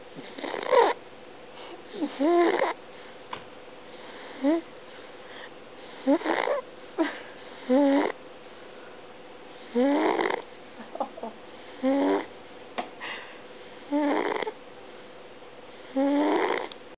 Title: snoring